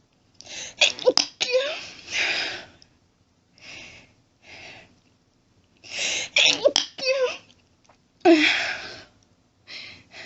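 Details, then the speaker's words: Staged hiding-scenario recording: a run of sneezes, several partly stifled and softer in an attempt to stay quiet, with gasping breaths and whispered talking between, in a quiet room. Repeated sneezing. "Can't stop. Need to stop sneezing. Oh God, it tickles."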